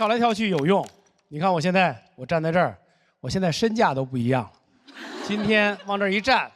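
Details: Adult man speaking; normal speech.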